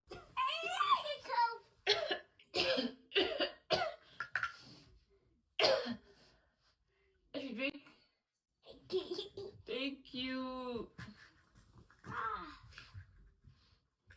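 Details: An adult mother gives several short, forced, pretend cough bursts to test her 3-year-old son's reaction, with the young child's voice between them; imitated cough.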